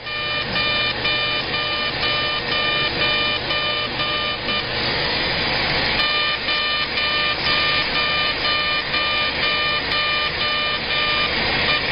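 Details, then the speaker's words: Fully ablative CO2 laser resurfacing of the face, with passes at 80 millijoules/density six, then 70/5, then 60/5, and a single upper-lid pass: steady loud rushing hiss with a regular beep about twice a second. "now we're going to change our settings and come back one aggressive pass at uh 80 millijoules and a density of six now we're going to do a second pass at 70 and 5."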